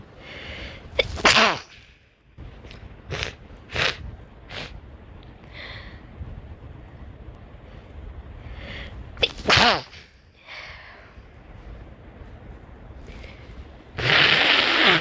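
Several sharp, explosive sneezes with quick breaths in between, ending in a loud nose blow.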